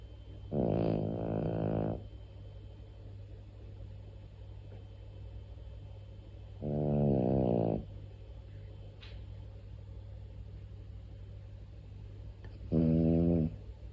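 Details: Small female dog, 14.9 years old, snoring like a big dog: deep, loud, rumbling snores about every six seconds, roughly ten a minute, with low room hum between them.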